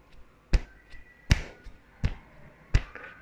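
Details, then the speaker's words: Imitated normal heart sounds: sharp tapped knocks at about 78 a minute, each followed by a softer one, illustrating the lub-dub of heart valves opening and closing. "एक आवाज आती है। इस आवाज को हम कहते हैं लब डब।"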